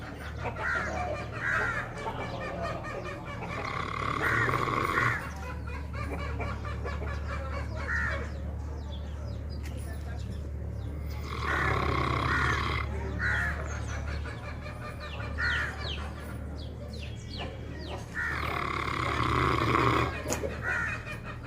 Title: Dog snoring | Funny dog | நாய் குறட்டை சத்தம்